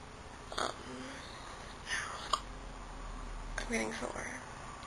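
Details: Brunette girl who says she has had these hiccups for a while and that her throat sometimes hurts: several brief, abrupt, gulping hiccups with voiced catches, irregularly spaced, in a quiet room. Hiccups.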